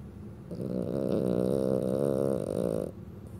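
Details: Dog snoring during an afternoon nap on the sofa: a long, loud, rattling snore with a steady fluttering buzz, then quiet breathing.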